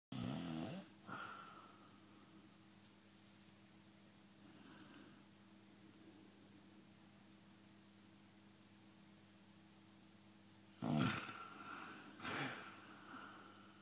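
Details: Harsh snorting snores with quiet pauses between them, over a steady low room hum, from a sleeping person whose partner complains about it; ordinary snoring.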